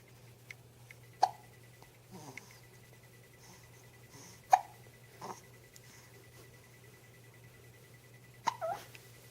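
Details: A baby girl held in someone's arms has infant hiccups: soft, abrupt little catches every few seconds over a steady room hum and faint beeping.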